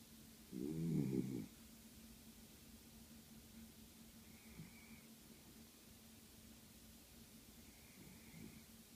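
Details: Dog: one loud rumbling snore followed by quieter snorting breaths over a steady low room hum, described by the owner as snoring very loudly; snoring.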